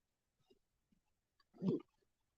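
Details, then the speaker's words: An adult who ate a lot that night: a few faint gurgles, then one louder low bubbling growl, stomach rumbling (borborygmi). "so oh my God my stomach again and I'm telling you guys I ate so much tonight you don't even know my stomach"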